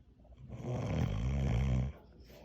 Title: Man snoring after long hard day at work.